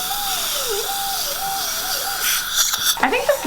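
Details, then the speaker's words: Dental hygienist polishing a coworker's (also a hygienist) teeth with a prophy polisher to remove remaining stain: steady high-pitched motor whine with wavering pitch against the teeth, then brief scraping and suction noise. "So, I'm going to polish. There's still a little stain on there, so I'm going to see if the polish gets it off."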